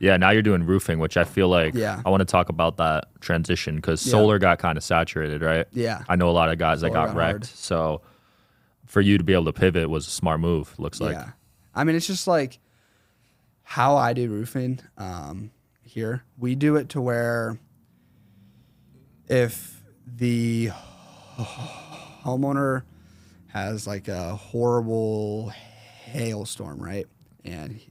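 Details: Man, 21, with a severe stutter since 4th grade; severity varies and is worse when he consciously processes what he says; stuttering.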